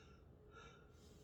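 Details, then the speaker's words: A 32-year-old man takes repeated deep breaths during auscultation of his back; breath sounds loud and clear in all 4 quadrants; normal breath sounds. "Okay, and his breath sounds in all 4 quadrants were loud, clear, and his very normal lung sounds too in all 4 quadrants."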